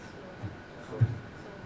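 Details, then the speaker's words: Soft A2: a faint, dull low thud imitating soft aortic valve closure at low aortic pressure (below 120 systolic), first cause given as aortic stenosis; simulated teaching demonstration of the second heart sound's aortic component. "अगर ऊपर pressure कम है तो कम pressure से well close करेंगे। तो आवाज ऐसे सुनाई देगी तो क्या क्या कहेंगे आप? सॉफ्ट।"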